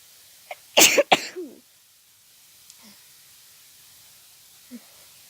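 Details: A person with seasonal allergies, during an intense sneezing fit after sneezing all day, gives two quick explosive sneezes in close succession, then quiet; sneezing.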